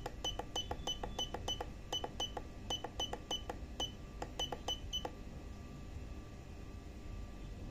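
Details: SP1 syringe pump being set up and operated: rapid series of short electronic keypad beeps over a low motor hum, then the hum alone.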